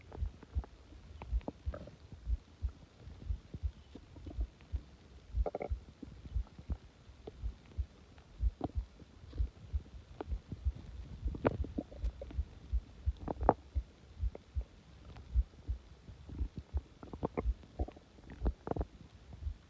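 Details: Subtle stomach growling: soft, irregular low gurgles and clicks, ordinary bowel sounds from normal gut activity.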